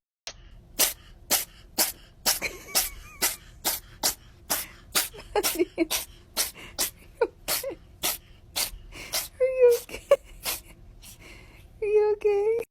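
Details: Cat sneezing: a rapid series of sharp, explosive sneezes with a few short meows near the end.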